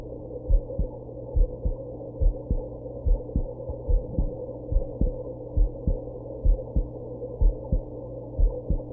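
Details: Heartbeat after drinking alcohol and smoking, with hiccups: steady low thumps at about 70 beats a minute under a constant hum; hiccups not clearly picked out.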